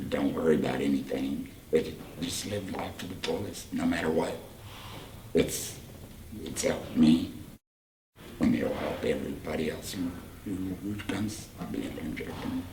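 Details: Tracheoesophageal speech from a 38-year-old man after total laryngectomy for cancer about four years earlier, followed by radiation; oesophagus surgically stretched and voice prosthesis fitted; speaks with the voice prosthesis and an HME.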